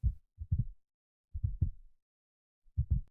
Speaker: Valves in the heart keep blood flowing in only one direction. The heartbeat sound comes from valves opening and closing.